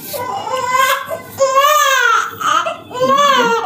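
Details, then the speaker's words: Newborn crying while being turned for tummy time, shown as a remedy for excessive crying: repeated high-pitched wails with brief pauses for breath, an adult voice faintly audible; an ordinary infant cry. "তো বাচ্চা যখন excessive crying হবে, এটা অবশ্যই করাতে হবে।"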